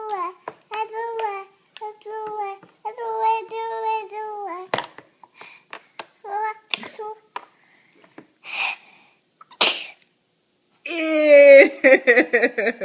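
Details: Young child babbling, broken by two sharp, explosive sneezes, then more vocalizing; ordinary sneezing.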